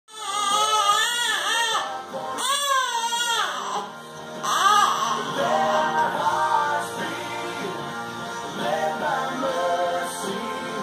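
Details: Infant son crying in rising, falling wails that soon quiet as he is settled in a car seat, with music playing over the sound.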